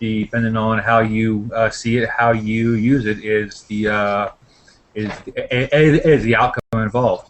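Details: Man who stutters (person who stutters) from India, speaking while introducing himself; he describes his stuttering as repetitions of sounds and syllables and speech that gets locked (blocks). Stuttering.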